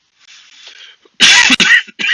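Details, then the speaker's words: An adult speaker with an allergy gives a few harsh, forceful coughs, then a softer throat clearing, interrupting a talk. "Ness I'm dealing with an allergy and I will be contending with these Uninvited uh unwanted interruptions in the flow of my speech and it's authentic and it's real and it's annoying"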